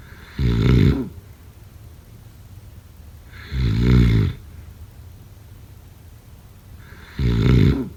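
Three loud, low rattling snores, each under a second, separated by quiet breathing about every three and a half seconds; roughly 18 breaths a minute. Snoring.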